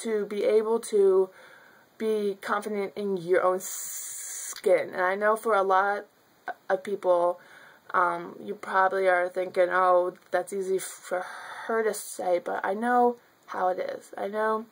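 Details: Stuttering in an adult woman who has stuttered since childhood.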